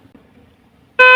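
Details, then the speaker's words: SPA112 syringe pump near-end alarm: quiet room, then a loud steady electronic tone warning the syringe is almost empty. "നമുക്ക് തീരാറായിട്ടുണ്ട് ഇനിപ്പോ തീർന്നിട്ടാണെന്നുണ്ടെങ്കിൽ നമുക്ക് ഇതിൽ വേറൊരു ഇപ്പോ near എൻഡിന്റെ വാണിങ് ആണ് ഈ സൗണ്ട് കേട്ടുകൊണ്ടിരിക്കുന്നത്"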